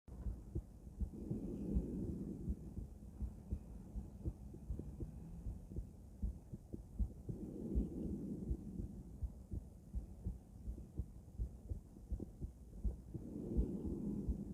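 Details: Female heart auscultated with a stethoscope: steady lub-dub at about 80 beats a minute under stethoscope rustle; normal heart sounds.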